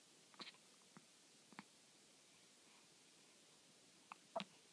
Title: Baby hiccups June 13